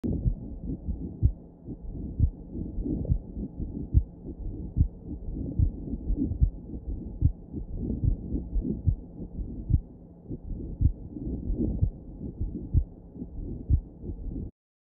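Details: Recording of a three-component pericardial friction rub, early diastolic, late diastolic and systolic, often obscuring S1: scratchy, grating sounds with each beat at about 72 a minute from inflamed pericardium rubbing the heart.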